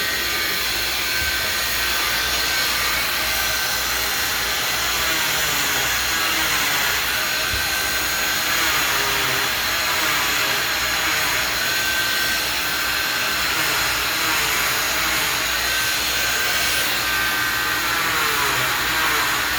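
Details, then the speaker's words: Oscillating cast saw cutting through a fresh fiberglass short leg non-weight-bearing cast with the in-and-out method, bivalving it so it can be spread for post-op swelling: steady high-pitched buzzing whine with rasping grinding as the blade moves in and out. "I'm going to grab the cast saw and then the next step in the video is I'm going to show you how we bu valve it and then how we how we spread it to allow for swelling posttop"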